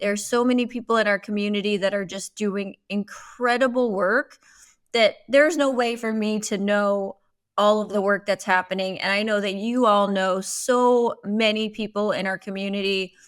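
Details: Adult woman speaking; typical speech.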